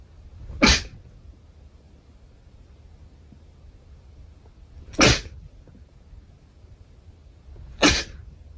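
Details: Repeated sneezing: three sharp, explosive sneezes a few seconds apart against quiet background noise.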